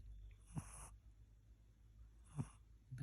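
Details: Two low snoring breaths about two seconds apart, each with a snorting rasp and hissy exhale, from a sleeping pet; snoring.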